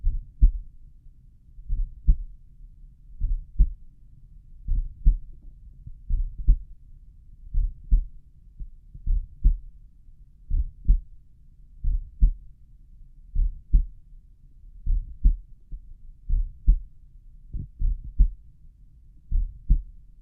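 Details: Normal heart sounds at a slow resting rate, own heartbeat auscultated at the tricuspid valve area: slow, steady paired sounds at about 41 beats a minute; audio quality below usual, with occasional stomach rumbles.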